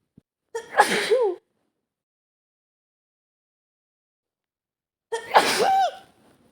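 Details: Adult woman in a sneezing scenario, cold caught from air conditioning: two loud sneezes a few seconds apart, each with sharp intake and forceful burst, quiet room; sneezing.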